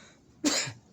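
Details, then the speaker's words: A child with a bad cough, taking cough syrup with little relief, who reports intense stomach pain when coughing: a single sharp, harsh cough burst that fades within a fraction of a second. "uh actually got cuff super bad girl so I'm just using this medicine nowadays it's uh giving me little bit relief but not that much"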